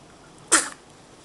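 A single brief, sharp hissing burst typical of a small sneeze against faint room noise.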